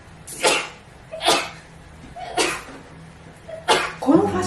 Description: A very short compilation of a Japanese YouTuber sneezing rapidly and never once.